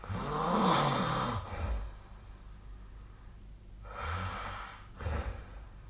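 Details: Nightly snoring recording, possibly captured with the SnoreLab snoring app: two low, rough snores on in-breaths separated by a quiet pause; a sleeper snoring.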